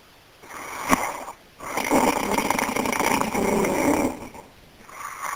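Loud rattling snores on breathing in, with brief pauses between breaths; snoring from vibration of the upper airway during sleep.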